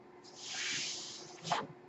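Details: Mechanical ventilator noise from the speaker's own ventilator, heard in the background as they talk.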